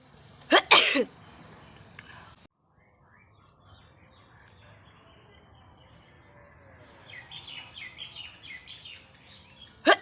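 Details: Nose sneezing and blowing outdoors: a sharp double burst like a sneeze, then quiet background with birdsong and a final short burst.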